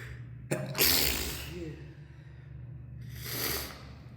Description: I was on my way up the stairs when I caught this fit. Couldn't help but record it for you all.